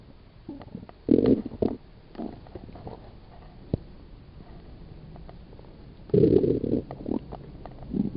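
Low gurgling rumbles in two bursts over a quiet background: ordinary stomach growling from gas and fluid moving through the gut.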